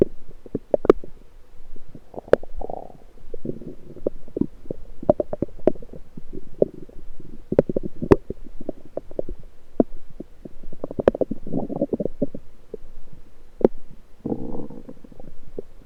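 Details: Lower abdomen recorded with a USB electronic stethoscope: frequent gurgles and sharp clicks, typical active bowel sounds.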